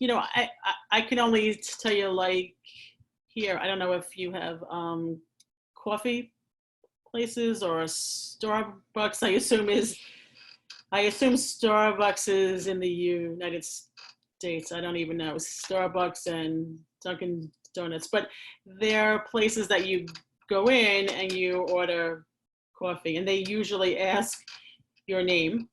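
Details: Adult woman who has stuttered since age four and stuttered severely in school; her father also stutters. She uses pausing, easing into words and prolonging sounds, and finds s-sounds hardest; stuttering (stammering).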